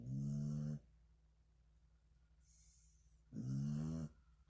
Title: Georgia Girl Snoring April 2020